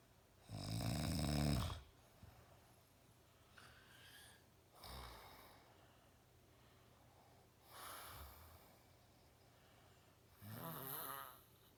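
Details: A father snoring very loudly: harsh, rattling snores with softer breaths in between, about 4–5 breaths over 12 seconds; heavy snoring.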